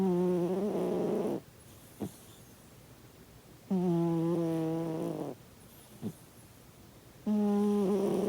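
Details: Sleeping cat snoring: loud, droning snores on each in-breath with a soft click between, about fifteen breaths a minute.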